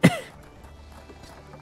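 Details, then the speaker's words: Single harsh adult cough over faint background music from a streamer who says they are still feeling unwell and that their cough is horrible. "you hear me though [Music] oh my gosh my cough is horrible"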